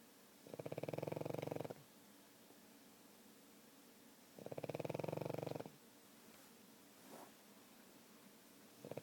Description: My Pug Oscar snoring.